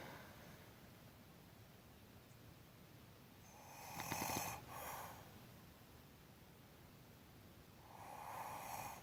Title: Mouth Open Snore